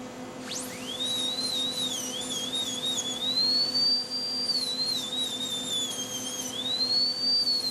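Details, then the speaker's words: Dental lab: high, steady whine of a high-speed handpiece, pitch rising and dipping as it grinds high spots marked by indicator spray inside a cast metal crown coping so it seats on the stone die. "look on the inside and see the little black areas there well we're going to believe those with our handpiece or high-speed and then try to try to fit it down again"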